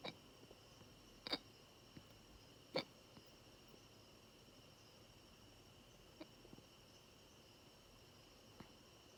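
Brief, sharp, irregular catches over faint room hum, two of them louder, fitting hiccups.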